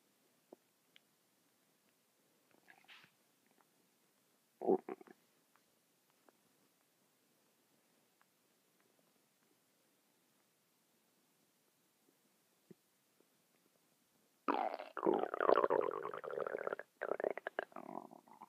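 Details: Stomach noises that went on non-stop for 10 minutes: faint scattered gurgles, then a long, loud rolling rumble near the end, ordinary stomach rumbling (borborygmi).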